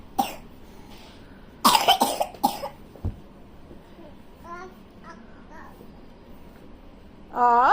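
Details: Young child at Christmas, playing with toys, with a cough: several short, loose coughs, then quiet babbling and a brief vocal sound.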